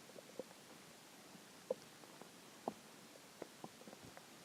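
Brief irregular gurgles and pops from the belly over a few seconds; ordinary hunger-related stomach growling, a normal finding.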